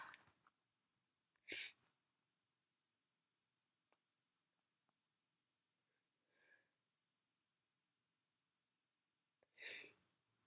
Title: Loud, snotty sneezes